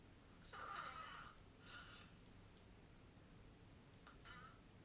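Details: Snoring during sleep recorded with a snoring app: quiet, raspy, rattling breath noises recurring in bursts against a soft room hiss.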